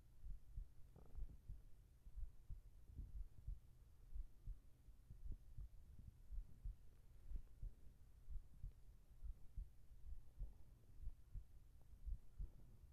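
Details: Regular, soft, low heartbeat thumps at about 60 beats a minute, steady and unhurried, used as relaxing ASMR sleep audio with whispering: normal heartbeat.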